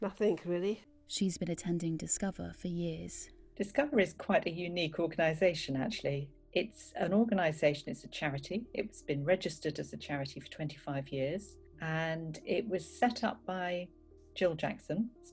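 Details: Adult woman speaking; normal speech.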